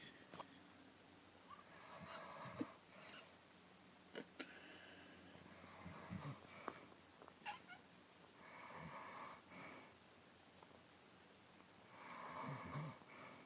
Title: This is my mother snoring.